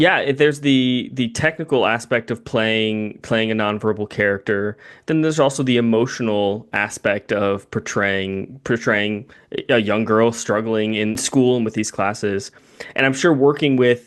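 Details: Adult male speaker; typical speech.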